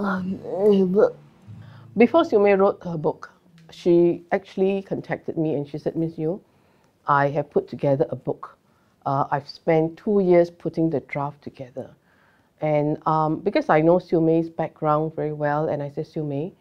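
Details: Adult woman speaking; typical speech.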